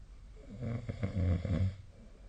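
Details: Sleep snoring recorded with a snore-tracking app on 2025/02/13: low rumbling, rattling noise through a sleeping person's breath, loud through the middle of the clip.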